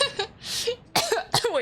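Three or so short, harsh coughs from an adult, breaking off speech.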